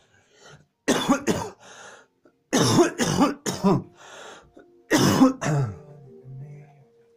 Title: Coughing fit